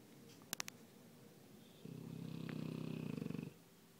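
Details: Sleeping dog snoring: a few brief clicks, then one soft, fluttering snore lasting about two seconds.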